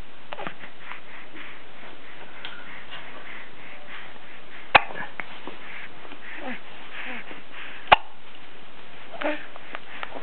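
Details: Hiccups while recording a video message to grandparents: two abrupt, sharp clicks a few seconds apart against background chatter and room noise.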